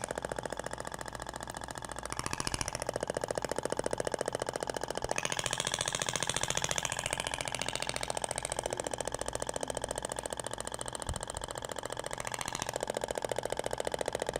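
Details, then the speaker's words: Thork shock wave therapy over gel, applicator passed in the other direction; rapid, steady clicking pulses at about 15 per second; sound differs between the polyacetal and stainless-steel tips. "e agora vai para o outro sentido até o barulho é diferente da ponteira de poliacetal"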